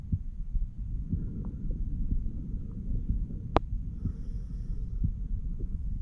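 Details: A 34-year-old male listens to his own chest with a stethoscope over the mitral, tricuspid, pulmonary and aortic valve areas. Regular paired lub-dub beats at about 60 a minute over a low hum, with one handling click: normal heart sounds.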